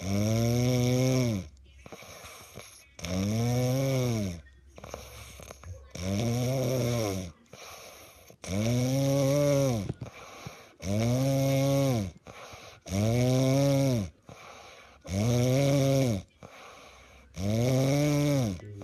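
Loud, tonal, rumbling snores on each breath in, with quieter breaths out between them, about eight snores in nineteen seconds.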